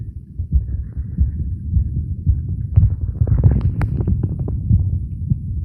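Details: Adult male's own heart recorded with a phone microphone at the chest auscultation sites: regular low heartbeat thumps with some rubbing noise; normal heart sounds.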